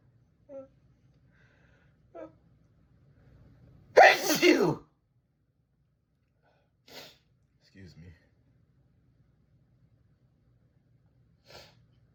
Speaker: I have to sneeze again. I have to sneeze.